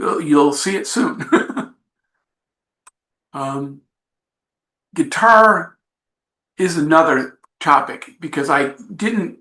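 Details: Adult man with aphasia after an accident, presenting his own story; he describes it as a long road but says he is getting much better.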